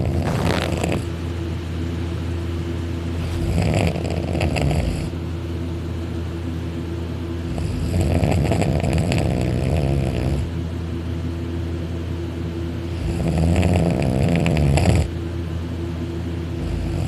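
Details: Dakota, a male napping on a couch on his back with his arm over his head, mouth open and drooling; loud, harsh snores with each breath in, about four in seventeen seconds, loud enough to vibrate the couch, said to be louder on his back.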